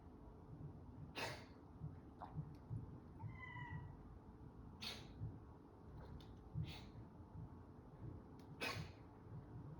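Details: Cat coughing: about four short, harsh cough bursts with a brief meow between them.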